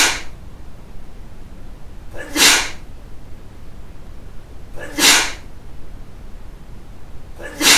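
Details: Three or four short, sharp, hissing sneezes spaced a few seconds apart in a quiet room; repeated sneezing.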